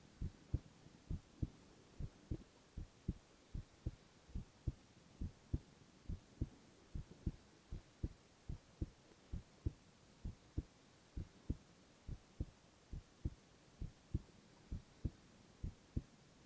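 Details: Male ASMR recording of heart sounds alone, without speech: steady soft paired thumps at about 80 beats a minute, regular rhythm, over a faint hiss; normal heart sounds.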